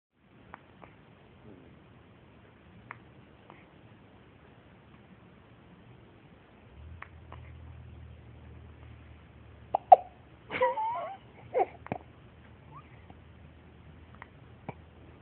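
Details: Baby woken up by his own hiccups: repeated short, sharp hiccup catches with a brief fussy whimper midway.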